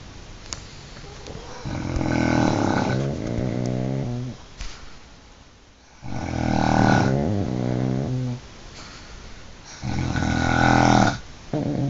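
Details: Snoring during sleep, recorded on an Android phone: loud, rattling snores in long, regular breaths, about five a minute, with softer breathing between; ordinary sleep snoring.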